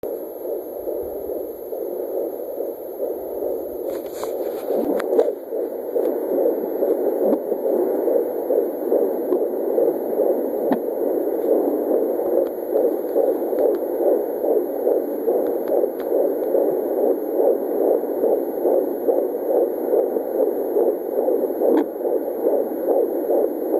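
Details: Fetal heartbeat at 16 weeks 1 day on Doppler: rapid, regular whooshing at about 140–150 bpm with brief bumps from the baby kicking at the probe.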